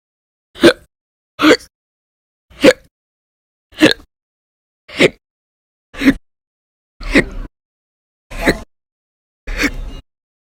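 Nine sharp, brief hiccup sounds about one second apart, with silence between them: a rapid run of hiccups.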